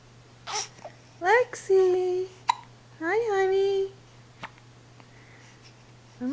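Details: Hiccups: a few abrupt, squeaky voiced hiccups with small vocal sounds between them in a quiet room.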